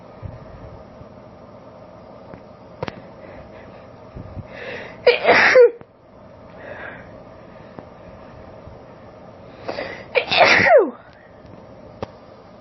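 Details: Female, allergic sneezing recorded on a cellphone: two forceful uncovered sneezes, each after a soft breathy buildup with catching inhalations, then a sharp explosive burst; quiet hum between.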